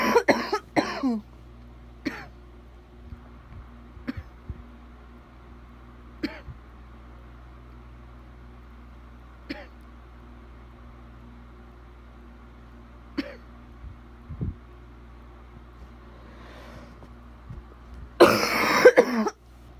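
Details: Adult with bad wet coughing in bursts, loose and phlegmy, separated by quiet throat sounds over a steady hum.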